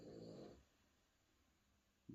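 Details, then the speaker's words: Loud, rough, rattling snoring from a pet bulldog sleeping in an armchair, with quiet pauses between snores; snoring. "ciekawe tak się zawiesiłem bo słyszycie ten dźwięk chrapania tak to mój pies buldog leży na fotelu właśnie po drugiej stronie kamery i sobie już smacznie śpi"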